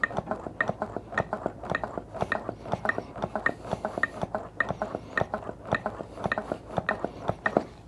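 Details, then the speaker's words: Regular clicking thuds at about 105 a minute from hands-only CPR chest compressions on a training manikin during an instructional demonstration with an AED, within the recommended 100 to 120 a minute. "ands go immediately on the chest begin CPR and start CPR continue with CPR and if your AED has a little metronome on there go ahead and follow that"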